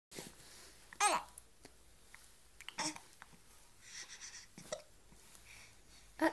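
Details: Several brief, sharp gulping hiccup bursts at irregular intervals over quiet room noise.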